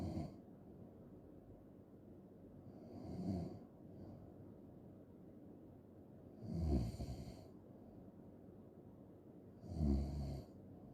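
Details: Three low, rattling snores on the in-breath, about 19 a minute, over steady room hiss; snoring.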